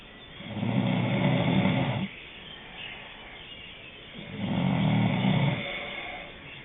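Two long, low rattling snores on breathing in, separated by a quiet pause, about four seconds apart.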